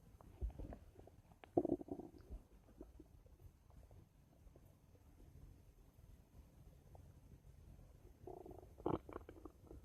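Low gurgling rumbles with two louder bubbling bursts near the start and end, over a quiet background; ordinary stomach rumbling (borborygmi).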